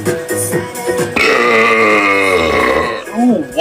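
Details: Man's loud burp, a long voiced belch of about two seconds, with music and talk around it.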